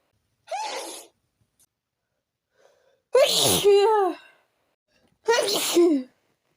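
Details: Three forceful sneezes in quick succession, each with a sharp vocal burst, with snorting; a sneezing fit after taking a little chhinkni (sneezing) powder.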